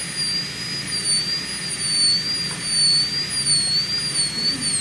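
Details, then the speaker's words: High-speed dental drill with a steady whine and slight pitch wavering, placing a shoulder starting at the bottom of the plane during an MOD ceramic onlay preparation on tooth #18 on a typodont. "so we're gonna go ahead and let's put a shoulder on here now okay we're gonna start it at the bottom of the the a plane"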